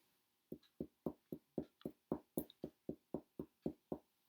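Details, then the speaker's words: About fifteen long, hollow, low-pitched taps from finger percussion in an intercostal space over the lung during a nursing assessment demonstration; a normal resonant note over air-filled lung. "really hoping that mike is catching catching that but that's a nice it's a very long hollow sound"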